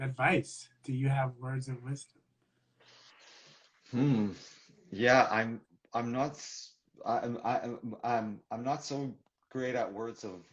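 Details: Adult man who stutters, speaking in a real live conversation for International Stuttering Awareness Day; stuttering.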